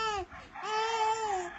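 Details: Baby crying in two wailing bursts with a brief catch of breath between them.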